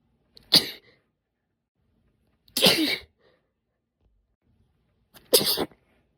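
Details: Three loud, sharp, explosive sneezes a couple of seconds apart in a quiet room; the sneezing was deliberately induced, usually with a cotton swab stick with the tip removed or a slender spray bottle dip tube.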